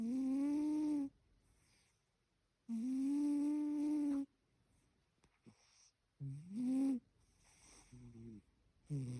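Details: Sleeping cat, apparently in a wild dream, gives long, tuneful, squeaky snores followed by shorter chirping breath sounds.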